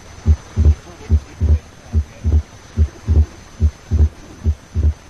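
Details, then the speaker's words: Pulmonary area: a split second heart sound with an accentuated later pulmonary component (P2) louder than A2; regular heartbeat about 71 per minute. "In pulmonary hypertension, P2 is accentuated. Note here that the second component of the split S2 is louder."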